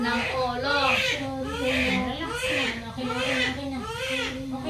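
Strong, rhythmic wailing cries of a newborn just after delivery, a healthy normal first cry, with adult talk in the background.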